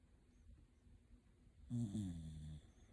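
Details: Shiba Inu sleeping comfortably gives one low, rattling, buzzy snore of about a second while breathing in, in a quiet room; snoring.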